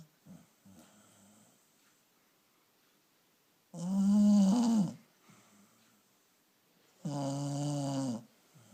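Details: Two loud, rattling snores several seconds apart from a sleeping female dog with her tongue sticking out, with softer breathing noises between them; the dog snores a lot.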